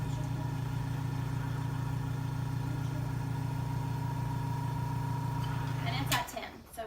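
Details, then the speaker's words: Portable suction pump tested before tracheostomy suctioning during a nursing skills demonstration, suction required between 5 and 10: steady low motor hum with a faint whine running evenly for six seconds, then switching off with a click. "i'm going to test my suction for a portable suction pump it needs to be between 5 and 10"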